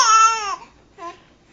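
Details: 8½-month-old infant: a brief high-pitched cry lasting about half a second, followed by a short softer vocal sound, in a clip about sneezing.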